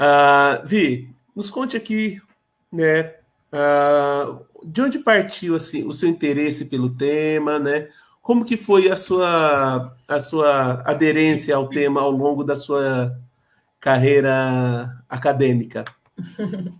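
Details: Adult male speaker; Ordinary speech.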